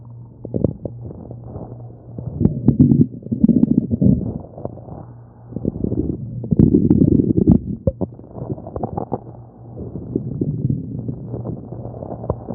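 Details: Person's own belly recorded while hungry: low rumbling and gurgling bursts with clicks and squeaks, rising and fading over several seconds; hunger stomach growling (borborygmi).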